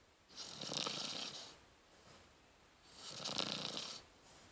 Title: Cute snoring Rottweiler puppy.